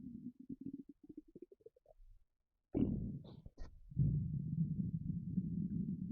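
Gurgling bursts and a long low rumble, typical stomach rumbling from an empty stomach.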